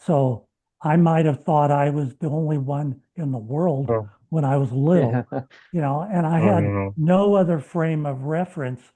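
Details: Adult man with lifelong stuttering, three months into a treatment program, speaking with his short-stops speech plan; he reports no stuttering since starting; treated stuttering, fluent speech with pacing technique.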